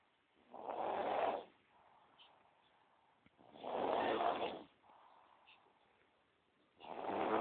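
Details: Loud, unusual snoring: rough snore on each inhalation with quieter exhalations, about 19 breaths a minute.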